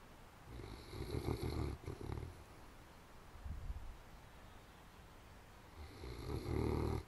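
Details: Snub-nosed sleepers snuffling and snoring: soft low rumbling snores come and go with the breath, fading between louder passes; snoring in sleep.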